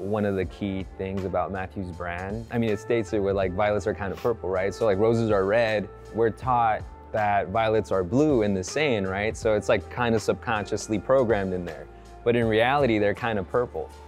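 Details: Adult male speaker; normal speech.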